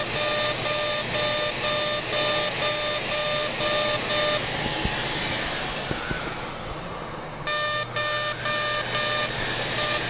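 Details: CO2 laser facial resurfacing during a simultaneous facelift, aggressive setting of 100 millijoules at density 6, passing up the midline near tattooed eyebrows: rhythmic electronic beeping about twice a second over steady suction hiss, pausing then resuming.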